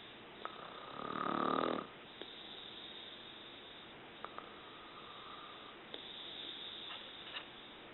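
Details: Mother snoring while asleep: one loud, rough snore on an in-breath, then quieter breathing with faint clicks, over steady room hiss.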